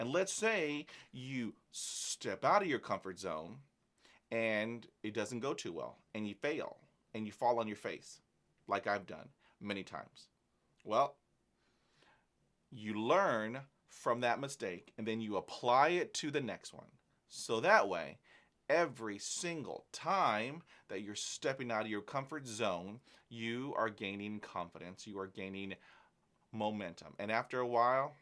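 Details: Stuttering in a man of almost 50 who has had about 20 years of speech therapy, hypnosis and mindful meditation and takes no medication, managing it with practised techniques such as stopping and breathing at blocks.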